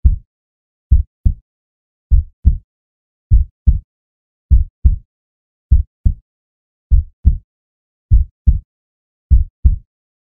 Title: 2 Hours of Heart Sounds, Deep Heartbeat for Relaxing, Meditation and Sleep